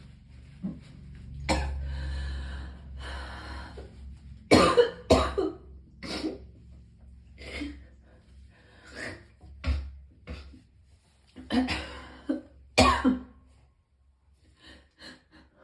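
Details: Person in extreme pain who vomited several times: strained breathing, then about a dozen harsh coughs in irregular bursts with retching sounds, amid low room rumble.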